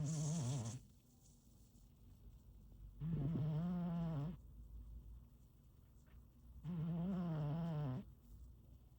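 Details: Sleeping cat snoring: low, buzzing, tonal breaths about every three and a half seconds, roughly 16 a minute.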